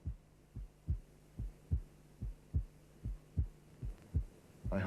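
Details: Simulated heartbeat from a cardiac auscultation teaching programme, about 73 per minute, in lub-dub pairs: a lower, longer first sound and a shorter, higher second sound, with a faint hum; normal first and second heart sounds.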